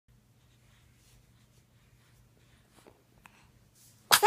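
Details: Quiet room with soft rustling, then one sudden sharp sneeze from an infant.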